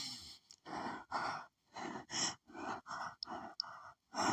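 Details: Rapid, hitchy sneezing fit triggered by perfume in a woman recently sneezing at nearly every scent: about eight short, breathy, hitching bursts in quick succession.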